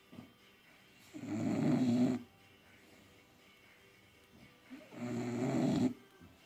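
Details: Sleeping bulldogs, two long rumbling snores about four seconds apart with quiet pauses; typical flat-faced dog snoring.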